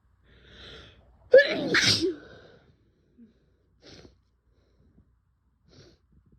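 A soft intake of breath, then a loud, forceful sneeze followed by quieter sniffs and nose sounds.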